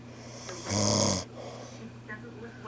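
A single harsh, buzzing snore lasting about half a second, with quiet breathing noise around it.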